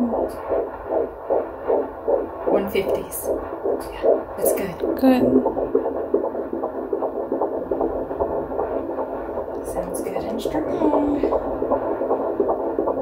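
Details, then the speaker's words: Fetal heartbeat at 14 weeks 2 days of pregnancy on Doppler at a midwife appointment: fast, rhythmic whooshing at about 150 beats a minute, said to be good, a normal rate. "there it is can i hear it [Music] how is it [Music]"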